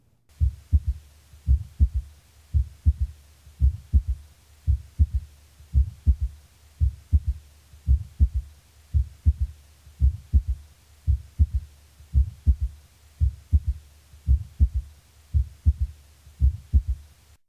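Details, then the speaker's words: Third heart sound (S3 gallop): steady low heartbeat at about 55/min, each beat a soft three-part gallop; the S3 follows the second sound by a longer interval and is lower-pitched than an opening snap. "note that the s3 follows the second sound by a longer interval and is lower in pitch than the opening snap the opening snap now the third heart sound"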